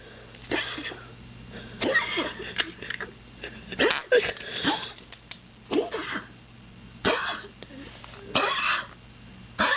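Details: A dog with a lump believed to be cancer, struggling to breathe, gives repeated harsh, hacking coughs, about eight bursts in ten seconds, with strained noisy breaths between; recorded January 2008; cough.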